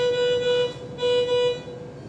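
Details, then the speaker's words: SLE 5000 infant ventilator just switched on with its rear button and running: steady electronic tone, pausing and resuming. "इसमें ventilator को चालू करने के लिए इसके पीछे बटन दिया हुआ है। अपन को पीछे इसको थोड़ा सा प्रेस करके रखना है। प्रेस करने के बाद में वेंटिलेटर ये ऑन हो चुका है।"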